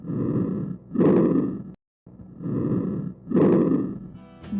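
Two simulated breath cycles with inspiration and expiration of similar length and loudness: normal bronchovesicular breath sounds.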